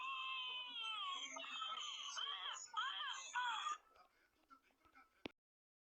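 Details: Newborn baby crying with hiccups: high-pitched, wavering cries in several bursts, then fading out and ending on one sharp click.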